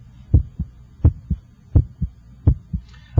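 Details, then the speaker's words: Regular heartbeat at about 85 a minute, heard with an electronic stethoscope at the cardiac apex while the radial pulse is felt to time S1; normal heart sounds, with the first sound louder than the second. "I can hear your first heart sound and I can hear the second heart sound the first hot sound should have a louder quality in this apical"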